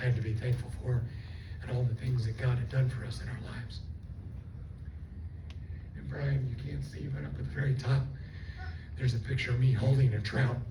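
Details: Adult stroke survivor with left vocal fold paralysis from the stroke, running on one vocal cord; the cords do not seal, so breaths are needed while talking; also lost swallowing function and was on a liquid diet for two months; unilateral vocal fold paralysis dysphonia.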